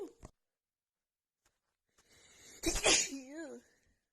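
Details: Female with a really bad, stuffy common cold: a quiet breath-in, then one forceful sneeze burst trailing into a brief voiced sigh.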